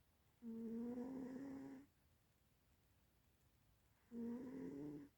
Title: silly one the cat snoring